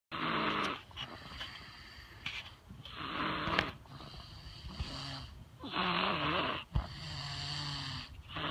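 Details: Loud, rough snoring on a trampoline at about 20 a minute, with a whistling edge on some breaths.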